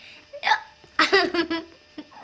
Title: giggles hiccups 4